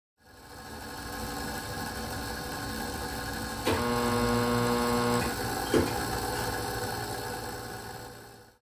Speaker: That was the sound of the X-ray beam. I recorded this sound at the hospital my mommy works at.